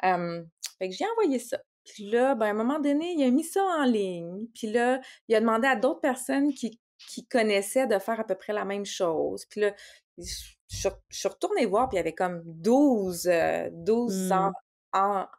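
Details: Adult woman, a speech-language pathologist who stutters, speaking conversationally in Quebec French; stuttering.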